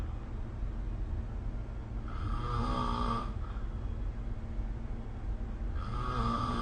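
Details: Sleep snoring recorded with the SnoreLab smartphone app: low, rattling snores on inhalation, two within a few seconds, over a steady room hum.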